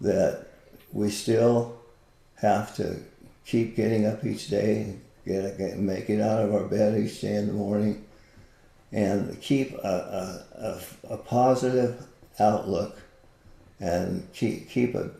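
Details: Man with Parkinson's disease for more than 20 years, with visible shakes and reported moments of 'a stupor of thought'; frequent word and phrase repetitions; Parkinson's disease speech with word and phrase repetitions.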